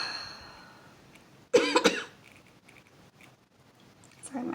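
A short burst of two or three rough, voiced coughs from an adult woman in a quiet room.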